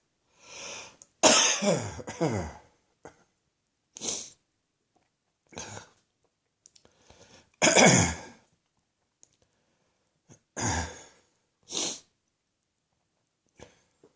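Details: Repeated bouts of harsh coughing, some with several bursts in a row, separated by pauses. A persistent coughing fit in the morning from a cough that has lingered and refuses to go away.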